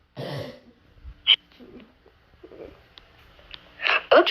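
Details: Cartoon sneeze from Numberblocks, not a real one: a drawn-out "ah, ah, ah" voiced build-up followed by sharp, breathy "achoo" bursts.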